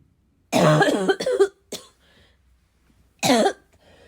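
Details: Self-recorded coughing fit, described as a little wheezy, a little chesty and barking as always: loud, harsh coughing bursts, one rapid run and one single bark, rough and chesty; chesty barking cough.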